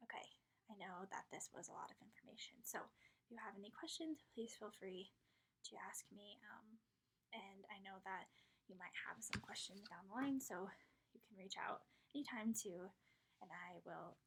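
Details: Adult woman speaking; normal speech.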